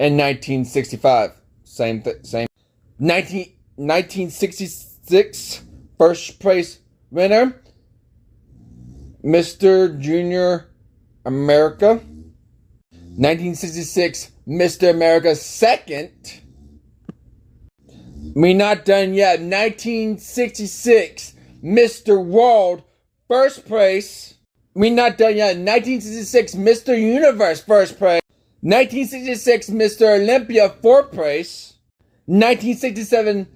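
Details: Male narrator with an unspecified speech impediment since childhood; speech impediment.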